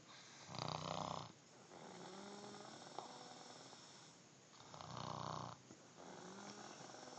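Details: Adult woman snoring in sleep, likened to a freight train: two loud rattling snores about four seconds apart with quieter breathing between, quiet room.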